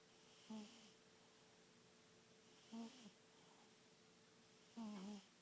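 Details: Biggest one of the bunch taking a snooze, three short buzzy rattling snores at a fast uneven rhythm over a quiet room with a steady hum: snoring.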